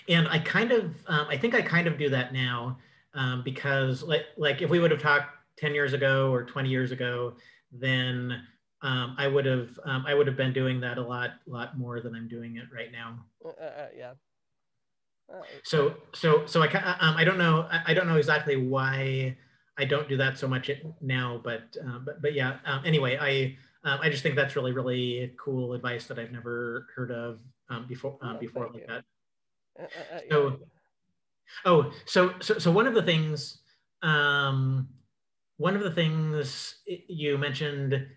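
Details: Cluttering in an adult man who identifies himself as a clutterer; repetitions and fillers heard.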